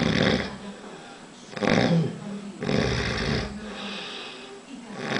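Repeated rough, rattling breaths, loud on the inward draw with softer breaths out, in a steady rhythm: snoring.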